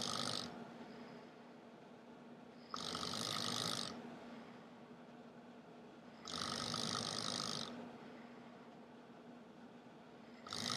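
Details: Person with very loud, harsh snoring: hissing snores about every 3.5 seconds, roughly 17 a minute, over a steady low background hum; snoring.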